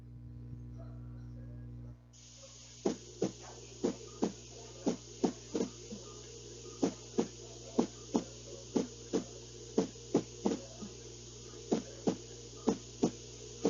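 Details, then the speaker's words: Demonstration of an irregular heart rhythm, contrasted with a normal rhythmic beat: heartbeats at an uneven pace with unequal gaps and early extra beats, a rhythm problem where the heart is not contracting properly; irregular heartbeat with extra beats. "como dice ahí no tiene ritmo no es seguido no es continuo sino que hay como se dice un latido extra y ahí es donde viene el problema"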